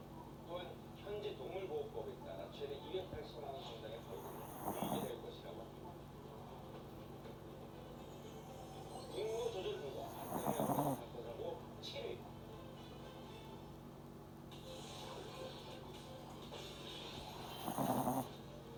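Soft, brief snuffling snores every six to seven seconds over a steady room hum: a puppy snoring lightly in sleep.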